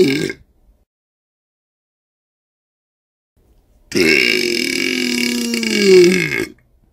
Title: Burping/Belching 1 Minute ASMR - Black Screen #17